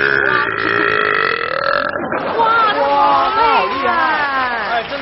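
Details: Adult male entertainer performing a deliberate show burp: a long, loud, drawn-out voiced belch with crowd noise behind; burping.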